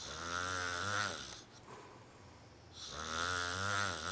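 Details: Snoring man: loud, rasping, buzzy snores on each in-breath with quiet pauses between; ordinary heavy snoring.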